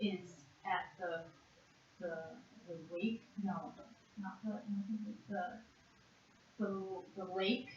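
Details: 56-and-a-half-year-old woman with severe conduction aphasia after a single stroke to the left side of the brain in June 2012, with fragmented, paraphasic output in a Western Aphasia Battery-Revised picture description task; conduction aphasia.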